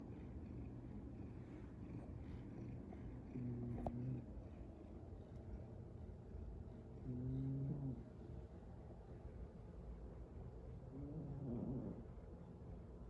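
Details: Three low, rough snores spaced a few seconds apart from a tiny sleeping cat, heard over a headset and partly masked by steady background rumble; loud snoring for her small size.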